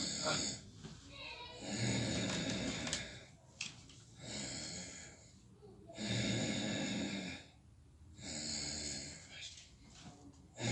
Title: snoring roommate